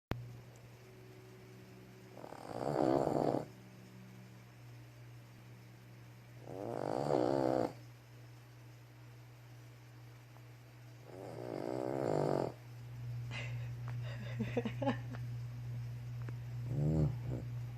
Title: Snoring Cuteness